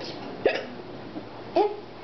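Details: Person pretending to have hiccups at the dinner table, so simulated: two sudden short voiced catches about a second apart over room noise and background talk.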